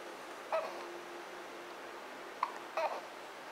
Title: 1 Month Old Has Hiccups